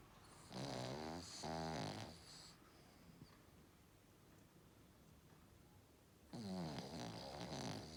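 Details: Sleeping Cavalier King Charles Spaniel dog snoring: fluttering, buzzy snores in short bursts separated by a quiet pause; dog snoring.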